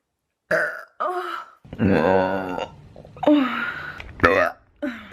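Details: Compilation of deliberate burping: a run of loud, voiced burps and drawn-out croaking belches in quick succession, some stretched into speech-like sounds. Burping.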